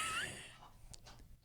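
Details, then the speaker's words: Sick dog on several drugs, owner fears he is dying: harsh noisy breath with a thin whistling squeak, then quieter snuffling breaths, consistent with congested breathing, likened to snoring. "do you hear this he's got some congestion he's got some congestion"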